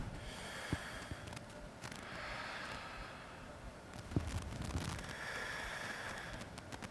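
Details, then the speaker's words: Normal breath sounds heard by stethoscope over the back of the chest during a chest examination demonstration; the patient takes moderately deep breaths in and out through the mouth. Soft, even rushing breath sounds. "So we'll start have the patient breathe in and out through their mouth moderately deep breaths. You don't want them to breathe very fast or to hyperventilate as they may become uh dizzy and laded. So moderately large breaths in and out through your mouth."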